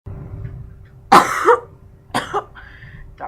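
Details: Simulated chronic smoker's cough voiced as an elderly grandmother in an anti-tobacco radio PSA: two harsh, rasping cough bursts over a faint steady hum.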